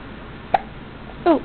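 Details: A single short, sharp hiccup pop with a soft vocal sound shortly after, over faint room noise, while playing on a bed; hiccups.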